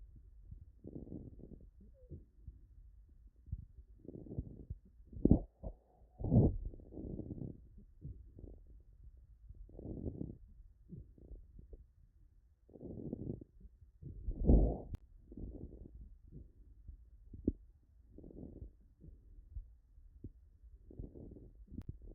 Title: Bilateral Bibasal Fine End Inspiratory Crackles